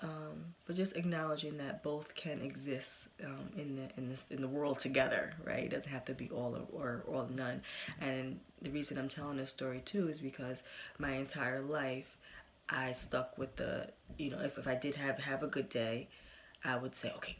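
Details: Adult woman who has stuttered since early childhood, persisting today with good and bad days; stuttering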